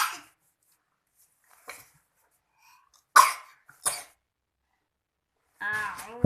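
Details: A child coughing while studying: several short, dry coughs spaced about a second apart, then a brief voiced laugh; an ordinary cough.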